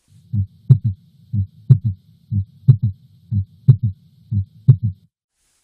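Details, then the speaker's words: Third heart sound (S3 gallop) heard at the apex: a regular heartbeat of about 60/min with a soft, low extra thud right after S2, giving a "Ken-tuc-ky" cadence. "try to listen for a heart sound that comes right after S2 some people remember this sound as following the pattern of Kentucky so it's Kentucky the Ken is the S1 the Tucky is the S2 and S3 together"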